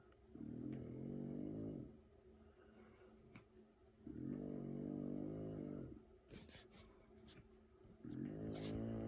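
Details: Adult man's (a father's) loud, growling snores on each breath in, about every four seconds, with a rough, gruff rattling quality; snoring.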